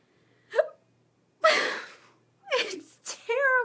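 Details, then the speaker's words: Adult brunette woman with hiccups persisting about 30 minutes, sitting on a bathroom floor: sharp abrupt catch of breath, longer breathy sound, short gasp, then brief voicing. "I now know why babies get so upset about having hiccups now watch me start talking and not have them anymore maybe that's all that no I still have the hiccups I've tried everything to get rid of these hiccups and it's not working"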